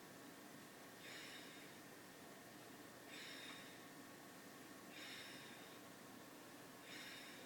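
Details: 5-year-old slightly overweight Basset Hound breathing hard: four loud, noisy breaths about two seconds apart over steady room noise. Labored breathing.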